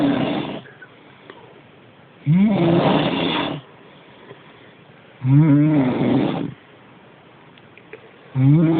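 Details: Loud, deep, groaning snores about every three seconds, around 20 a minute, with quiet pauses between, from a sleeping woman; heavy snoring.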